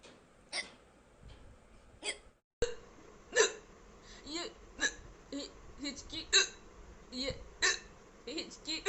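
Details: Woman hiccuping repeatedly, sharp abrupt little gulping sounds every second or so, mixed with soft vocal noises; hiccups (singultus).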